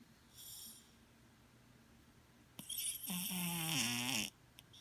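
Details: Sleeping cat, a former stray: a quiet room, then a brief squeak and a longer wheezy, whistling nasal breath; a cat's snore.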